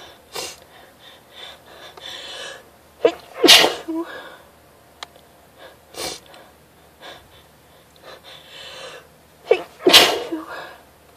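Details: Something in the air tickling the nose: three forceful sneezes, each preceded by sharp breaths in, with sniffing and breathing between them; repeated sneezing from nasal irritation.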